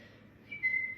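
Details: Self-recorded person with Tourette syndrome, a chronic whistler, during a burst of many tics bordering on a tic attack after holding tics in; brief abrupt high whistle after near silence, a whistling vocal tic.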